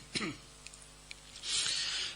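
A single short cough, a pause with faint clicks, then a breathy, rasping clearing of the throat.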